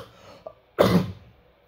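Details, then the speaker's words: Single harsh, dry cough with no mucus rattle, at night while sitting up unable to sleep, with runny nose, after taking paracetamol and cetirizine; dry cough. "ini batuknya yang bentuk kering ya"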